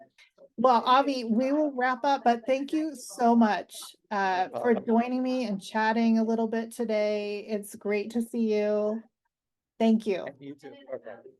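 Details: Adult woman speaking; Normal speech.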